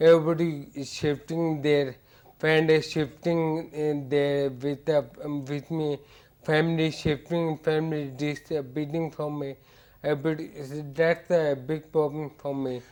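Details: Ataxic dysarthria in a male patient with hereditary ataxia for about eight years; ataxia described as affecting his speech.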